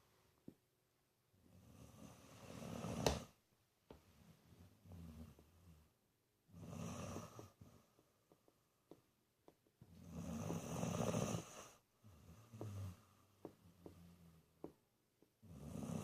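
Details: 19-year-old dog snoring while sleeping with eyes wide open: rough, fluttering breaths in a slow rhythm, louder snores about every eight seconds, small clicks between; snoring.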